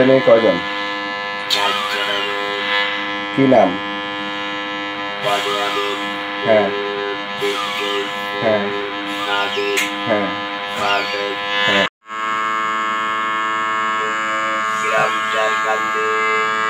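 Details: Electrolarynx speech by a total laryngectomy patient using a device held against the neck, producing a loud but mechanical voice.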